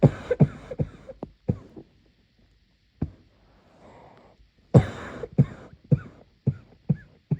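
Muffled, low, abrupt cough bursts in rapid clusters, about fifteen in all, with a brief pause and a noisy in-breath midway: a coughing fit.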